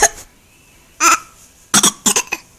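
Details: A child puts on a "bad cough" on request: several short, dry cough bursts, imitated rather than from illness.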